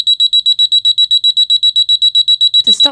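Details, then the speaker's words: Demonstration of the Eclipse wireless bedwetting alarm for children: a moisture sensor worn inside the underwear sets off the bedside alarm unit with loud, rapid, high-pitched electronic beeping, then a brief voice; the alarm is switched off afterwards. "The Eclipse wireless bedwetting alarm has two parts. A sensor which goes inside the underwear and a small alarm which can be placed on the bedside furniture."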